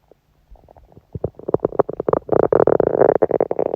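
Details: Woman's stomach growling during her menstrual period, felt only as a dull ache: rapid bubbling gurgles building into a loud continuous rumble of gas and fluid moving through the bowel. Bowel sounds (borborygmi).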